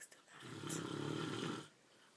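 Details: Adult man ("daddy") snoring in his sleep: one loud, rattling snore on the breath in, lasting over a second, then quiet. The person beside him finds it hard to sleep next to.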